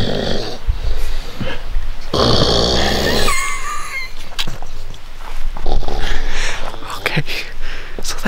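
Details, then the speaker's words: Older adult men asleep in a camp tent, third night: loud, rough, low rumbling snores, steady and nearly continuous, with a brief whistling edge. "but it's been a non-stop snore fest it sounds like there are bears over here a moose going at it with another moose i am not kidding you"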